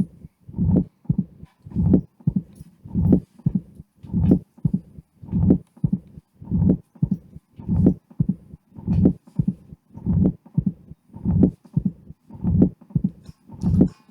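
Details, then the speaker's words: Severe mitral stenosis with atrial fibrillation: heart cycles at about 50 a minute, low thumps with a low diastolic rumble that loses its presystolic intensity increase, the mitral stenosis murmur. "Y acá tenemos un paciente con estenosis mitral grave y fibrilación auricular en que se pierde el aumento de intensidad presistólico del soplo diastólico."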